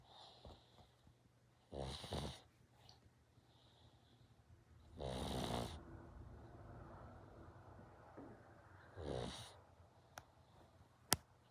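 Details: Sleeping one-eyed rescue pug, a flat-faced dog: three loud, snorting, rattling snores at irregular intervals, with quieter whistling breaths between them. Snoring.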